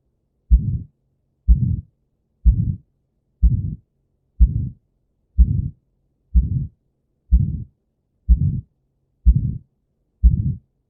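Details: Aortic stenosis on heart auscultation: steady heartbeat near 62 a minute, each beat trailed by a rough, harsh murmur filling the early part of the cycle.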